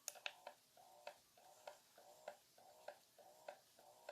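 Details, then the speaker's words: IKARE double electric breast pump running, believed to be massage mode: quiet, rapid pump cycles with soft hum and click about 100 times a minute. "pretty quiet I believe this is massage mold and this is me not reading the manual at all"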